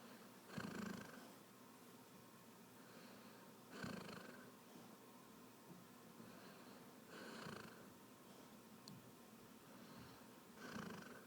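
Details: Sleeper snoring: slow, rhythmic, rough rattling snores at about 18 breaths a minute, with quiet pauses between them; snoring.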